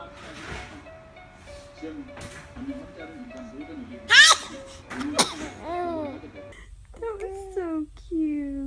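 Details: Compilation clip of a baby sneezing: babbling and cooing, then a sudden sharp sneeze followed by infant vocalizing, with background music.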